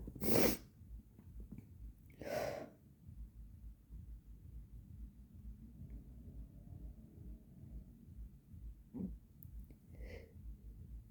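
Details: Agender person who reports bloody nasal scabs and trouble breathing through the nose: two loud explosive sneezes, then quieter snorting and sniffing over a low hum. Repeated sneezing.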